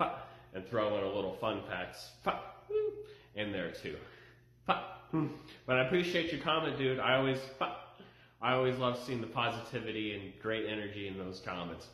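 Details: Adult man with Tourette syndrome; repeated vocal tics ('F'); vocal tics (Tourette syndrome).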